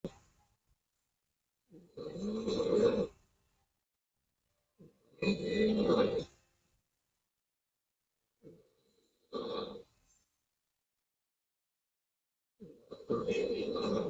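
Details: Taiwanese woman snoring loudly with mouth open while asleep on stream: loud, rough snores, about four across fourteen seconds with silent pauses, near 16 breaths a minute.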